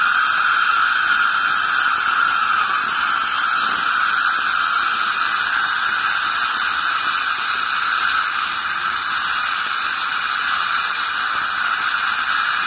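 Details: Ultrasonic dental scaling removing tartar (calculus) from teeth: a steady high-pitched whine with hissing water spray and suction.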